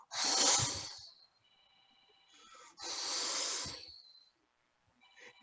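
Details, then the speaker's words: Vocal imitation of a diamond-shaped crescendo-decrescendo systolic murmur, timed with the carotid pulse, in a mitral valvulopathy teaching case: two breathy hisses, each rising then fading. "forma de rombo si siento el pulso carotídeo y mientras siento el pulso y yo lo escucho con una onda que sube y una onda que baje"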